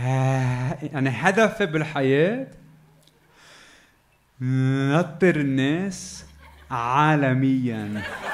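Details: Adult man who has stuttered since childhood in Lebanon, performing stand-up comedy; stuttering.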